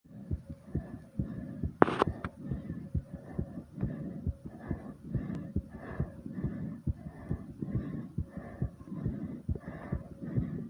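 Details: Fast, steady thumping heartbeat of roughly 130 beats per minute after doing squats, with faint heavy breathing and a brief bump: a fast heartbeat after exercise.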